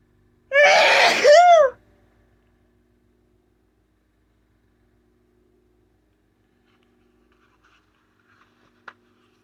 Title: Desperate messy sneezes while talking